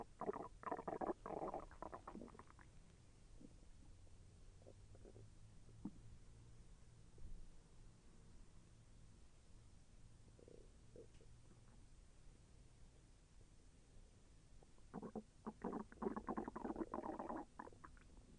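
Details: Bowel sounds (borborygmi) during digestion: soft bubbling, gurgling bursts at the start and end with quieter rumbling between. The person felt the intestine move and said it was a little painful.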